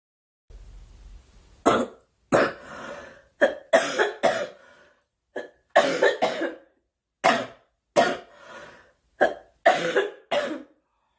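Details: Young woman, apparently unwell, coughing in about a dozen sharp coughs in quick bursts over roughly ten seconds, some doubled; repeated coughing.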